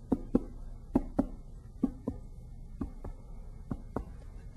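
Eight finger-percussion taps in pairs over the abdomen shift from a hollow tympanic note to a flatter dull note at the liver's lower edge.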